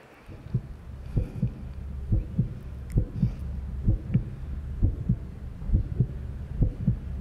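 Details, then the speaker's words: Paired low heart thumps, roughly 66 a minute, over a low steady hum: a heartbeat playback with added tones, from a heartbeat perception experiment where tones are sped up and listeners' own heart rates accelerate. "then we see how much you rely on the tones versus your actual heartbeats and what you see is that people start speeding up their own heartbeat they started seller rating here's an example how that sounds like"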